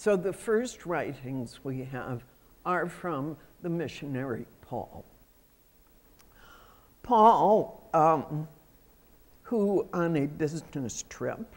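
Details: Adult female with self-reported spasmodic dysphonia, a voice condition that comes and goes; spasmodic dysphonia.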